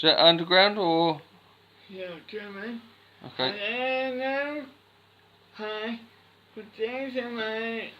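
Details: Speech of a boy with cri du chat syndrome.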